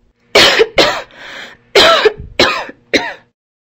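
Five harsh cough bursts with a breath between them: coughing during an asthma flare-up, when narrowed, mucus-filled airways limit airflow.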